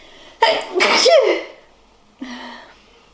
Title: Cold sneezing